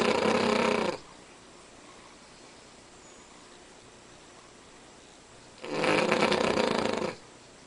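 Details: A Cavalier King Charles Spaniel snoring far louder than a normal dog gives two loud, rough, rattling snores about five seconds apart, with quiet breathing between; snoring.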